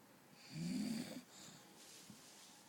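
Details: A single low, rattling snore on an in-breath, then quiet breathing, from a sleeping British bulldog, typical flat-faced breed snoring.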